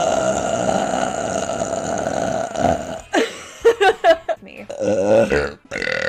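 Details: A long, loud, low rumbling belch followed by shorter voiced burps, from a burp compilation; repeated loud burping.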